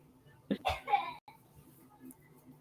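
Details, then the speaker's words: A distant child who has a cold, in another room, gives a short burst of two or three harsh, strong coughs: a cough. "Oh, she sounds like she's coughing. she's got a cold. Yeah. Man, that is some strong ass cough."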